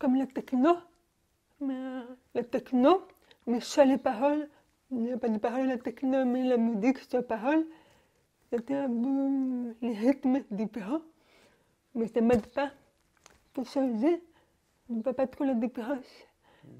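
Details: Young French-speaking woman, deaf since birth, wearing hearing aids since birth and recently new ones, speaking orally while lip-reading. Deaf speech from congenital hearing loss.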